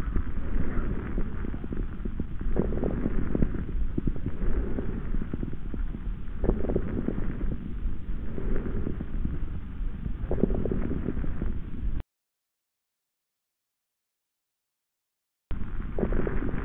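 Breath sounds through a stethoscope with low-pitched popping crackles, fitting coarse crackles from fluid in the airways.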